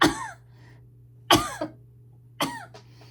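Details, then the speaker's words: Woman with asthma and "really bad lungs": three separate harsh coughs over about three seconds, one a double cough; low steady hum in background. "Sorry guys, my asthma has been. I know it's not really the most attractive thing to watch somebody"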